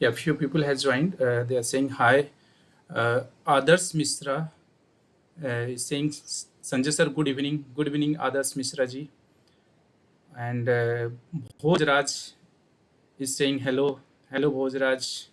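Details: Adult man speaking; Ordinary adult male speech.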